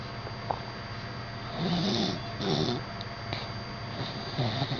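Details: Sleeping dogs snoring: short, rough, snorting breaths over a steady background hum.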